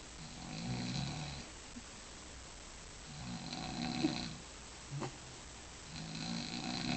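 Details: Woman asleep while a film plays: three rough, rattling snores on the in-breath over seven seconds, slow sleeping breath rhythm with quiet pauses; ordinary snoring.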